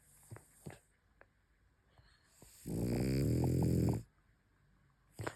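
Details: Sleeping French Bulldog snoring with eyes open and twitching face while dreaming: loud, low rattling snore over a second long with faint soft breaths around it.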